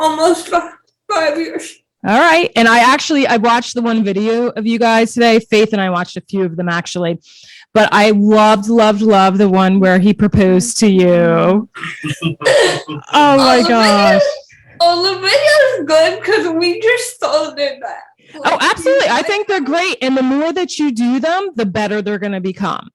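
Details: Adult woman speaking, with a brief second voice; typical speech.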